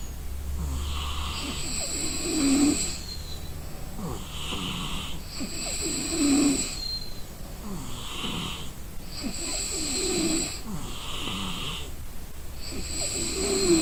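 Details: Person sleeping from exhaustion: rough rattling snores on each breath, about 16 a minute, with quieter breathing between; ordinary snoring during sleep.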